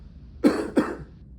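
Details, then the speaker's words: Role-play patient with simulated exacerbation, asked to take a deep breath and cough during respiratory therapy competency practice: two harsh, chesty cough bursts, judged bronchitic, nothing coughed up. "good and can I learn a lot from that cough so what do you hear with him again I I hear bronchitis right"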